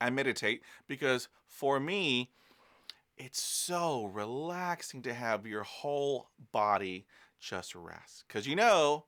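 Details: Adult man who stutters. Stuttering.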